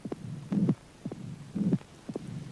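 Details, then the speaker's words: Synthesized heart murmur made on an electronic synthesizer: heartbeat about 57 a minute, paired beat sounds with a soft continuous hum between them, simulating a murmur. "szmer przebijający się przez ciało wywołany rytmem kurczący się mięśni serca"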